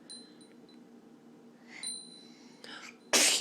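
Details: Two sneezes, the first soft and the second a loud sharp burst, over quiet room noise and a faint chime, followed by "bless you".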